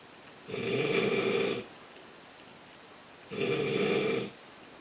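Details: Snoring during sleep: two rough, buzzing breaths about three seconds apart with quiet between them.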